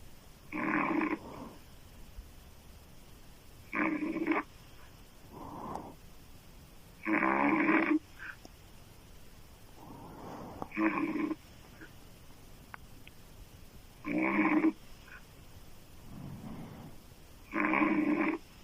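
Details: Loud, rattling open-mouth snoring from a female sleeper, described as sounding like a man, with quiet breaths between snores at about 18 breaths a minute.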